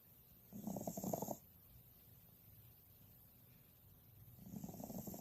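Two rough, rumbling snores several seconds apart, with quiet breathing between them, from a sleeping dog.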